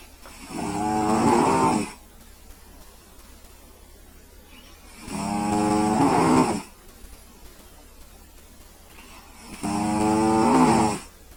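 Loud, buzzing, vibrating snores on each breath in, about 13 a minute, with quiet pauses between: a sleeping cat snoring.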